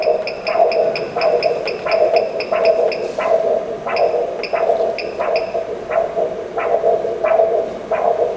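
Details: Carotid exam demonstration on a US-HCL5P ultrasound, patient supine, in pulsed Doppler mode after color Doppler: rhythmic whooshing pulses about 90 a minute with a steady hum, a normal carotid Doppler flow signal.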